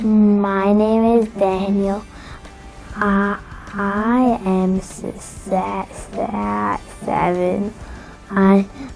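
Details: Child who introduces himself and says he stutters: stuttering.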